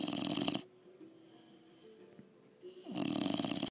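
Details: Snoring while lying on the recorder's chest: two short, rough snoring breaths about 2.5 seconds apart, with quiet breathing between.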